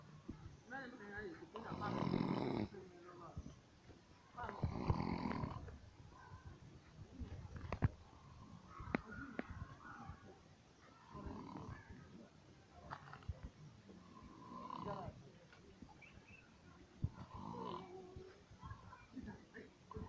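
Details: Likely acted snoring on a comedy film set: loud, rough snoring bursts with shorter noisy sounds between them.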